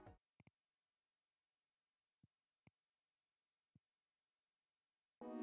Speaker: 8000x seharusnya sangat mudah untuk kamu dengar dan jika kamu tidak dapat mendengarnya maka kamu pasti memiliki masalah pendengaran siap kita mulai